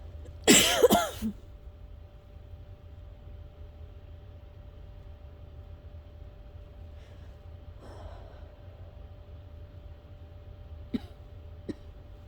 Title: been having asthma coughing fits every night this week... sleep would be nice at some point 😵‍💫